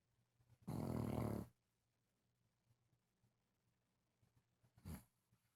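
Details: Loud habitual snorer snoring: a loud rattling snore followed by a shorter, softer one, with quiet room noise between.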